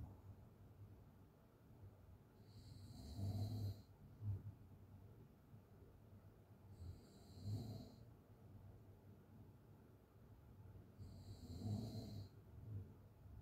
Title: sound of someone snoring Crazy open mouth snoring - Leelate